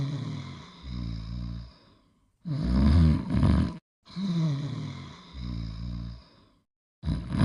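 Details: Astro sleeping and snoring, clip taken from a 1980s–1990s nostalgia episode: deep, groaning, rumbling, partly sigh-like breaths with short silent gaps between them; snoring during sleep.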